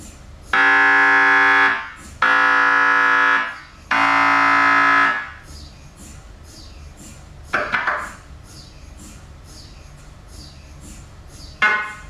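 Loud droning buzz in three long bursts, then a short knock and quieter pauses: MRI scanner noise during imaging.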